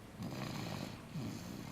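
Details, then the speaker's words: Sleeping baby girl in her car seat giving two soft, low, rattling breaths of gentle infant snoring. "the sweet sounds of a snoring baby isn't she adorable"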